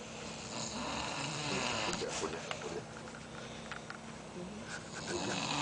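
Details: Sleeping man snoring heavily: a steady, low, rough, rattling drone with snorting bursts in a quiet room.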